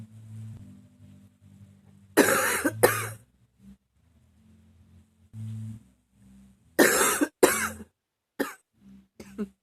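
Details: Persistent, never-ending coughing fit in which the person can't stop: repeated harsh cough bursts in clusters, separated by gasping, wheezy breaths.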